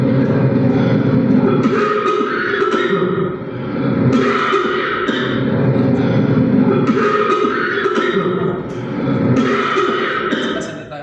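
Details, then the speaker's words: Teaching example of a bitonal cough, common in vocal cord paralysis from laryngeal lesion: repeated coughs each carrying two pitches at once. "Esa sí la tengo, la tos bitonales. ¿Esa de quién? Esa es común en parálisis de las cuerdas vocales. Van a escuchar que tiene dos tonos, ya vamos."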